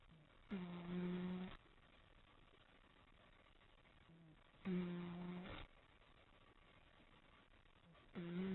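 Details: Sleeping cat snoring deeply: slow, buzzing snores on the in-breath, about 16 breaths a minute, with faint out-breaths.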